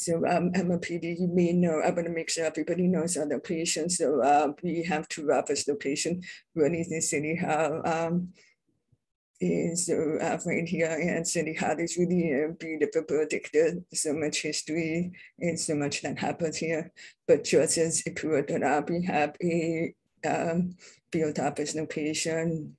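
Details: Adult speaker born deaf, now using bilateral cochlear implants, self-described as having a deaf accent; deaf speech (hearing-impaired speech).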